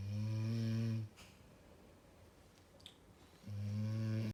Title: Big snoring #snoring #sleep #bedwars